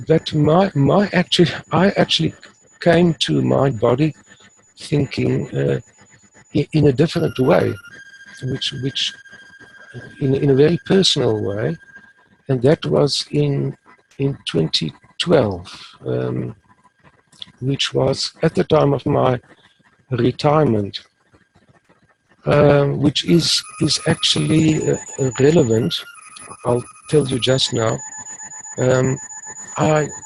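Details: Adult man who has stuttered since about age 3 or 4, uses the passive airflow technique and is now fairly fluent, so stuttering may be mild or not heard here; stuttering.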